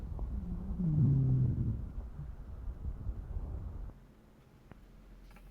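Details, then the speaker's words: Whistling sounds from airway turbulence played in a lecture on respiratory sounds; wheezes. "ahora algo que sí me interesa también es el tema de los sibilantes no los sonidos que ustedes van a tener que es como un silvido no y es por eso es que se dice sibilante"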